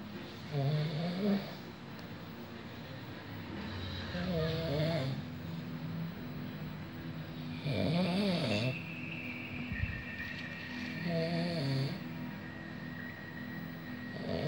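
Rhythmic rattling snores on breathing in, about 18 breaths a minute, over steady room hum.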